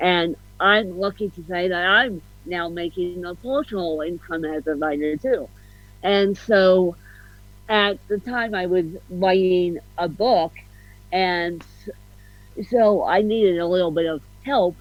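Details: Adult woman with ataxic-spastic cerebral palsy, officially diagnosed at 31, with a slight speech impediment; ataxic dysarthria.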